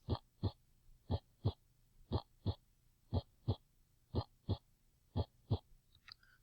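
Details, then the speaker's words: Normal heart sounds: steady paired lub-dub beats at about 59 per minute, regular and clean with no extra sounds, produced by the heart valves opening and closing. "That lub-dub is simply your valves opening and closing. That first lub sound would be when the atrium, or these valves right here, allow blood into the ventricles, and then that second dub sound, the lub-dub, goes either to the lungs or to the aorta and to the rest of the body."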